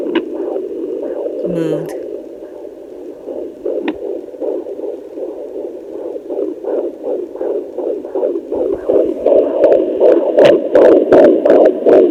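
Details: A home handheld fetal Doppler on a 35-year-old mother at 22 weeks of pregnancy with an anterior placenta picks up rapid, regular whooshing pulses, a fetal heartbeat at about 160 beats a minute, with baby movement.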